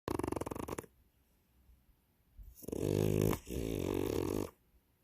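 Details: Snoring French Bulldog: loud, rough, rattling breaths from a small flat-faced dog with pauses between them; snoring.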